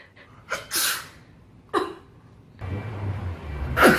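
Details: Two quick sneezes with sharp bursts of air, then rustling noise and the start of another sneeze.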